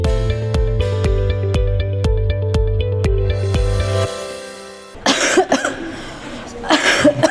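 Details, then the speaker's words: Adult giving several loud, harsh, uncovered coughs in quick bursts, acted for a hospital cough-etiquette demonstration; ordinary cough. "Iya Pak batuknya tidak boleh seperti itu ya Bu ya kita mempunyai etika batuk yang benar karena dapat menularkan penyakit yang ada di lingkungan sekitar Ibu"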